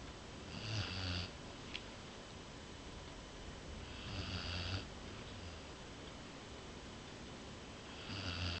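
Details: Basset hound asleep, soft low snores with a breathy rasp, about three in nine seconds, over steady room hiss: regular snoring in sleep.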